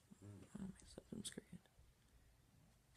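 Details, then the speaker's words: Person with Tourette syndrome demonstrating tics, which can be triggered by holding them in or trying to show them: soft whispery sounds, a pause, then a sudden loud vocal burst, a vocal tic. "sorry ticking out okay so that kind of happens sometimes one when you hold it in a lot and I guess probably when you're trying to show people your ticks you probably took that"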